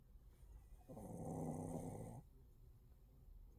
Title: Have you seen a dog snore like this?